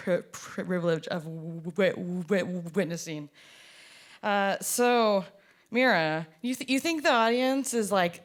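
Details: Performer who stutters, speaking at a showcase of artists who stutter; audible part-word repetitions; stuttering.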